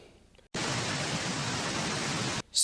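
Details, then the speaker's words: Simulated tinnitus, static type, one of the common tinnitus sounds demonstrated: a steady burst of loud static hiss. "सबसे पहले, tonal tinnitus, (high pitch ringing) चाय की केतली की आवाज़, (kettle blowing) भनभनाहट, (high pitch बज़िंग) static,"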